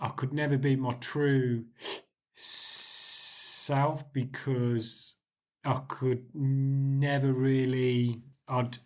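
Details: 40-year-old adult who has stammered since about age 4–5, still has blocks though fewer and shorter since the Starfish Project; stuttering (stammering).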